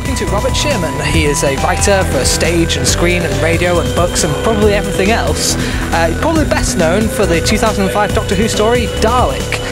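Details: Adult male interviewer; typical speech.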